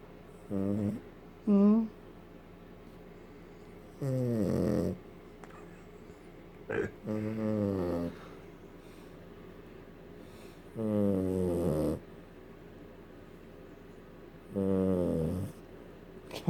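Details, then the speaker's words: Small border terrier Maya sleeping, tired: rhythmic throaty snores, about 5 in the clip with long quiet pauses between, over a steady low room hum; snoring. "Can a little thing like that snore? Snoring Maya."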